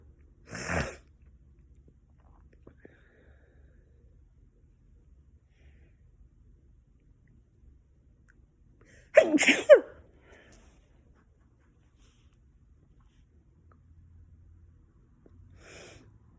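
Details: At home on the fall equinox, feeling very sneezy: three separate sharp, explosive sneezes with long pauses between them in a quiet room.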